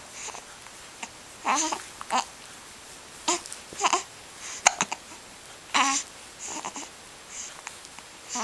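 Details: Hiccups in a 1-month-old baby: short, abrupt catching sounds repeating irregularly, about eight or nine in eight seconds, among soft infant fussing.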